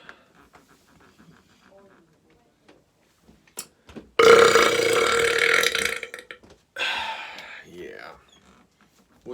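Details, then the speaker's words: Loud drawn-out belch about two seconds then shorter second burp with quiet mouth noises, deliberate burping in a comedy skit bragging about easy burps; burping. "Yeah, pretty sure I'm the best burper ever."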